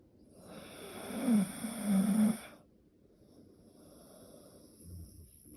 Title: My favorite sound; the snore of my dog. #Snore #dog #dogsnoring